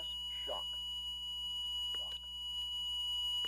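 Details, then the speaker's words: HeartStart MRX monitor-defibrillator in training after a shock-advised rhythm, charged to the pre-selected energy: continuous high-pitched charged-and-ready tone with the shock button lit and a press-shock prompt, faint voices nearby. "when the unit is charged and ready the shock button will illuminate and the press shock message and voice prompt will be issued"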